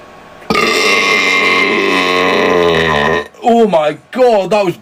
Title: Guys Burps Compilation